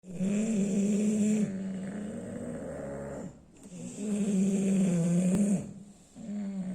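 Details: Sleeping bulldog: loud, rough, rattling snores in long drawn breaths, about two cycles with a pause between them; loud snoring.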